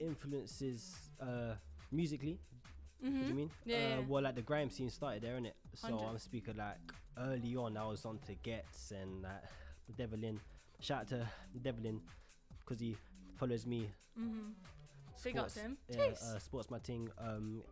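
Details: Male rapper from East London, born with a speech impediment, who grew up with a stammer and started rapping through speech therapy; stuttering (stammer).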